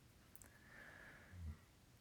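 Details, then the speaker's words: A dog sleeping in the background gives a quiet, low snorting snore with a faint whistling breath in a hushed room: snoring. "and I do apologize if you can hear a snoring dog in the background"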